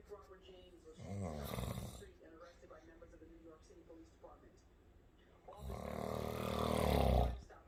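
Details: Adult husband sleeping and snoring: two loud, rough, rattling snores separated by quieter breathing, with faint room sounds between.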